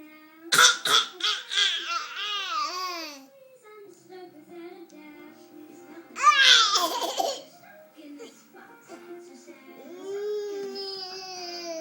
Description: 10.5.11 is fake coughing